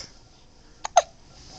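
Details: Infant girl under two months old with hiccups: two short, sharp hiccup sounds close together in a quiet room.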